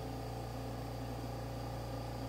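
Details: Home oxygen concentrator with flow set at about 2 L/min; steady low motor hum with an even background hiss from the running concentrator.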